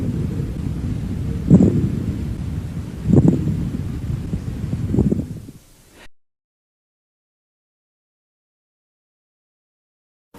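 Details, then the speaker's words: Pleural friction rub on lung auscultation: superficial crackling or harsh grating bursts heard in both inspiration and expiration, not cleared by coughing, at areas of maximal expansion (anterior lower chest). "roce pleural sonidos superficiales crujientes o ásperos que se escuchan tanto en la inspiración como en la expiración no desaparecen con la tos"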